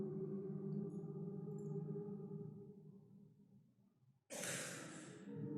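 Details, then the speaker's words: During a quiet group humming recording, someone suddenly hacks out a loud, monster cough: cough. "And at the absolute worst, most inopportune time, somebody hacks out a monster cough. Listen to this."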